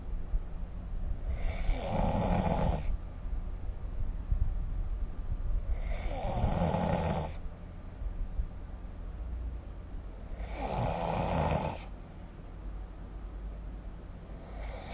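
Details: Snoring recorded with the SnoreLab smartphone app: regular rattling snores about every 4.5 seconds, roughly 13 breaths a minute, over steady room noise.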